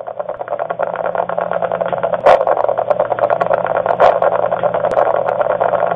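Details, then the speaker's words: Needle EMG through a hypodermic needle electrode while guiding botulinum toxin injection for cervical dystonia: dense, continuous crackling static with a steady low hum, a full interference pattern from voluntarily or dystonia-activated muscle. "a sound is generated when the interference pattern occurs from the volitionally activated muscle or a muscle that is involuntarily activated by the cervical dystonia"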